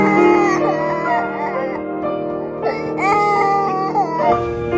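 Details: Baby with acute bronchitis after a week of coughing, crying during nebulizer treatment and chest physiotherapy to clear phlegm; loud, sustained infant crying in repeated wails with background music.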